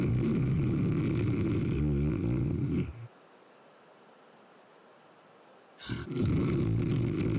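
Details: A man sleeping on his back gives a loud, harsh, roaring snore lasting about three seconds, then a quiet pause; told to turn on his side: heavy snoring from enlarged, inflamed tonsils.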